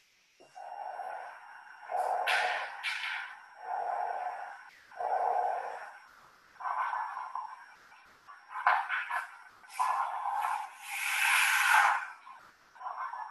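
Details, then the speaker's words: Simulated coarse crackles on a clinical skills lab auscultation training simulator: repeated breath cycles with low, bubbling crackles through the breaths and a faint steady background tone. "i suppose you could hear the bubbling sound that comes from the crackle sound"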